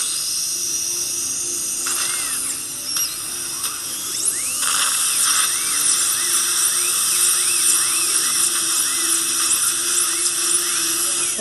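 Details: Steady high-pitched whine of a surgical dental drill with brief pitch shifts, sectioning a lower left third molar during surgical extraction, over faint room noise.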